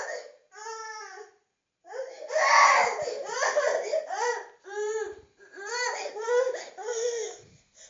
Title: ANGRY BABY SOUND EFFECT - CC SOUND #soundeffects